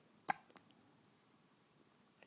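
One sharp, brief hiccup-like burst followed by a faint smaller sound, with quiet room noise; a single hiccup.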